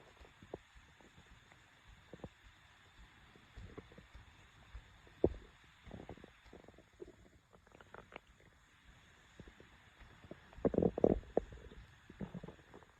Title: Stomach growl. Feed Me Now!